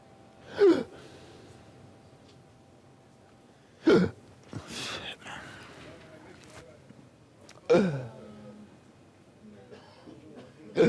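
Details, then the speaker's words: A patient in A&E at King's College Hospital with hiccups on and off for three days, since Sunday: four abrupt, sharp gulping catches about every 3.5 seconds, roughly 17 a minute; persistent hiccups. "has been suffering from hiccups for the last three days"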